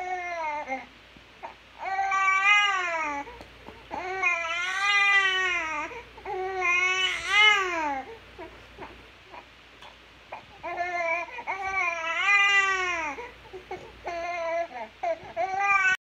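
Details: Infant crying: repeated high-pitched bouts with rising and falling wails and brief gasping pauses between them.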